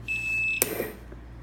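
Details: Leistung PR4D02 analog ventilator. Peak pressure exceeds the 20 alarm limit, sounding a steady high electronic tone for about half a second, then a click: high peak pressure alarm.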